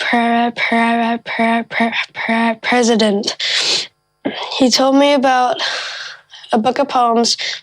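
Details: Child who says he has a stutter; stuttering.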